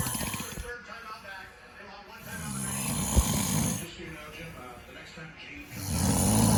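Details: Loud, rough snoring from a sleeping dad in repeated cycles of rattling inhaled noise, with faint background sound.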